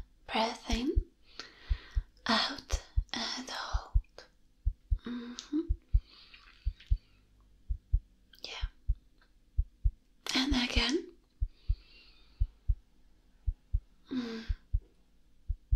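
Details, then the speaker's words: Simulated ASMR roleplay heart exam: steady, regular heartbeat at about 70 a minute with clear paired thumps under soft whispered breathing; the patient reports chest pain and is nervous with a slightly fast heart; no murmurs heard; normal heartbeat. "so far your heart seems to be fine i cannot hear any mermaids now very good"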